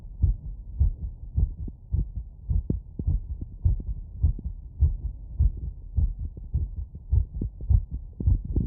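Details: Fast, regular lub-dub heart sounds at about 105 beats a minute, heard with a wireless stethoscope over the valve areas (pulmonic, aortic, Erb's point) after running; rapid heart sounds after exercise.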